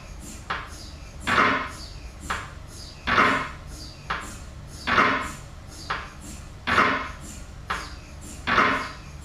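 Loud rhythmic knocking bursts in a repeating pattern, about 33 a minute with softer taps between, typical of MRI scanner gradient noise.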